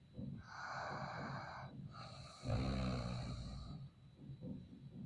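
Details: Man snoring in Haryana: loud, rasping snores on the in-breath with noisy out-breaths; ordinary snoring.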